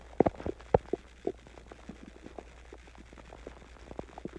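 Irregular soft gurgles and low bubbling pops, loudest at the start, fading to faint rumbles: stomach growling, ordinary gut movement after eating and drinking.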